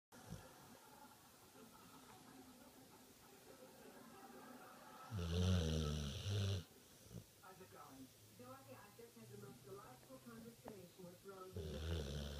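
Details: Loud, rough, rattling snores on breathing in, with softer breathing between, from a sleeping dog: snoring.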